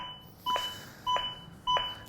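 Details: ZOLL AED Plus training demonstration with sternal pressure-sensor CPR electrode: regular two-tone beeps about every 0.6 s pacing chest compressions at roughly 100 per minute; CPR metronome.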